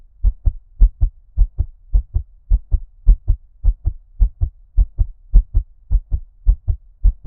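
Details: Fast heartbeat in an ASMR ear-cupping recording: muffled, deep paired heart thumps, regular at about 105 beats a minute, sounding underwater.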